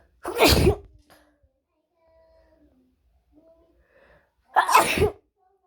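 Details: Sneezing: two forceful, explosive sneezes a few seconds apart in a quiet room.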